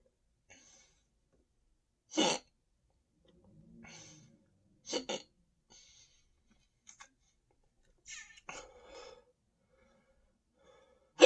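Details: Person standing and drinking more Sprite, stomach feeling very full and tight: several sharp, abrupt hiccups spaced a few seconds apart, with soft breaths between.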